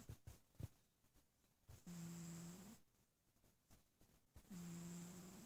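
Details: Sleeping little cat snoring: two long, steady buzzing snores with a clear low hum on the in-breath, separated by quiet pauses.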